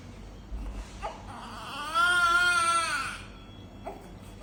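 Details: Newborn with a breathing problem after birth, in special care: a single thin, high, drawn-out cry with soft room noise before and after.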